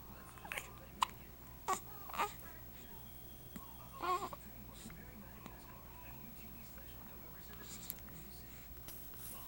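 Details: Infant with hiccups: brief soft catches of voice at irregular intervals with small fussy sounds; hiccups.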